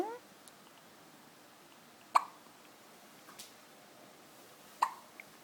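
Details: Little girl hiccuping after drinking a bottle of full cream milk; two sharp, abrupt hiccups a few seconds apart in a quiet room.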